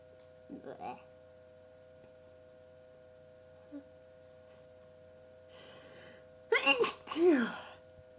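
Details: Person with a cold, unstifled sneezes: quiet room, a soft early sound, then two sharp, explosive sneezes in quick succession; sneezing.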